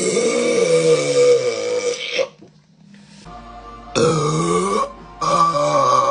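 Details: Deliberate burping tagged as by a girl: long, loud voiced belches, one drawn out over about two seconds, with brief pauses and faint background music.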